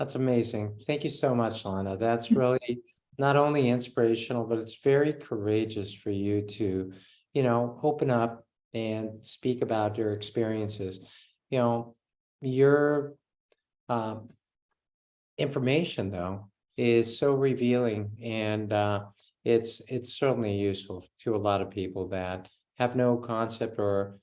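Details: Adult male speaker; Normal speech.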